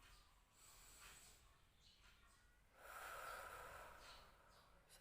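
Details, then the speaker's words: Nursing student demonstrating the technique: a deep breath in, then a slow, longer whooshing breath out through pursed lips; pursed-lip breathing. "pertama-tama yaitu kita tarik nafas atau inspirasi secara mendalam kemudian kita melakukan eksperimen atau membuang nafasnya dengan posisi bibirnya menutup atau seperti orang bersyukur"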